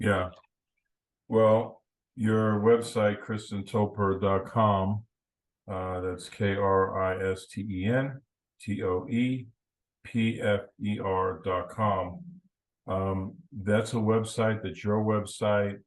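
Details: Adult male speaker; ordinary speech.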